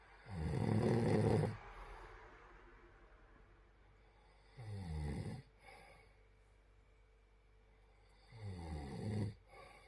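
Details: Snoring: three loud, rattling snores on the in-breath, with quiet pauses about every four seconds.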